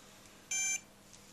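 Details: One short, high-pitched electronic beep in a quiet room as a Mobilograph ambulatory blood pressure monitor is switched off after the patient's recording, before removal and download.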